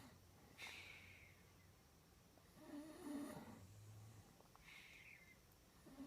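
Quiet, rough breathing noises with a low rattling snore on one breath, over faint room noise.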